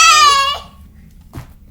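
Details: A brief high-pitched infant cry that fades out, followed by a soft short sound, in an infant with hiccups.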